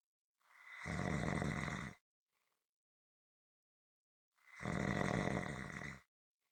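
Two loud rasping snores on breaths in, evenly spaced about four seconds apart, silent between; rhythmic snoring.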